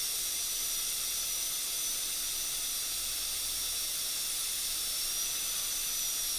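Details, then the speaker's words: Steady high-pitched whine of a dental handpiece with a 12-fluted carbide finishing burr polishing a newly placed microhybrid composite filling after air abrasion; finishing and polishing of composite, not harming tooth structure. "This is a Midwest 12-fluted carbide burr, which is generally used in the finishing and polishing of composites. Does not harm the tooth structure."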